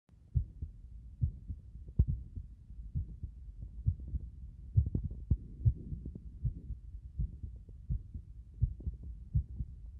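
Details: Heartbeats at about 67 a minute with uneven spacing, some beats early; an irregular rhythm from frequent arrhythmia.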